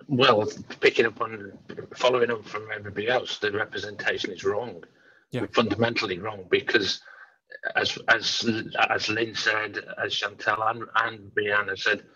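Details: Adult man, an engineering manager who stammers; stammering.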